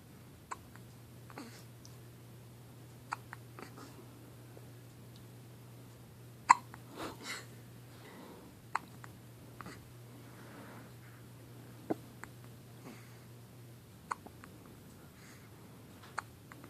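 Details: One-day-old newborn with hiccups: soft, sharp little hics recurring every one to two seconds in a quiet room, with a low steady hum.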